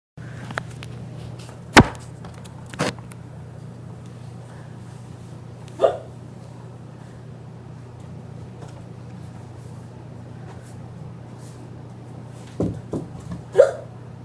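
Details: A hula hooper with hiccups: about five sharp, brief, involuntary catches at irregular intervals over low steady vehicle or room hum; hiccups.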